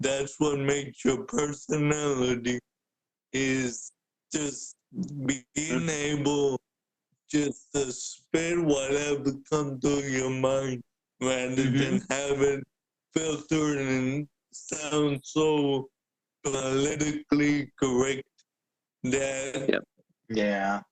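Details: Adult man born with cerebral palsy, a wheelchair user with physical limitations, for whom speaking is noted to be hard; dysarthria (cerebral palsy).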